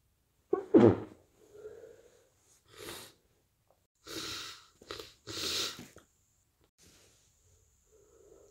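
A sharp sneeze, then congested sniffs and snorty nose blows in a quiet room. Sneezing and nasal blockage from a head cold.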